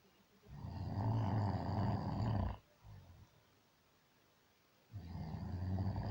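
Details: Heavy snoring during sleep from a man who says he doesn't snore: long, loud, vibrating snores about two seconds each, with quiet pauses between breaths.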